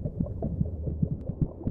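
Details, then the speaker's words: Muffled, regular low thuds over a deep rumbling hum, heard from inside the womb: the fetus's own heartbeat racing at twice the speed of her mother's, both heartbeats competing amid maternal body gurgles. "She will also hear the competing thuds of heartbeats, her own racing at twice the speed of her mother's, both her constant companions through her time in the womb."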